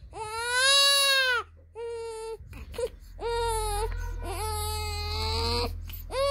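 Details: 19-day-old newborn crying loudly at high pitch in repeated bouts separated by brief pauses and catch breaths.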